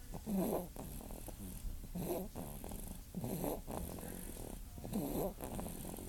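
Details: Infant boy snoring: soft, rattly rumbling with each breath, about 36 breaths a minute; snores a lot.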